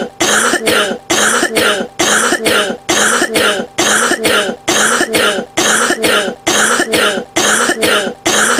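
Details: A person coughing.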